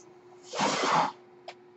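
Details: Speaker's own home mechanical ventilator, audible while he talks: a half-second rush of air over a steady low hum, then a brief click; one ventilator breath cycle.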